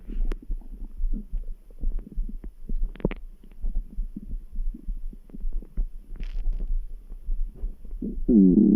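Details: Stomach grumbling bowel sounds: irregular low gurgling and rumbling from the abdomen with a faint background heartbeat thudding underneath.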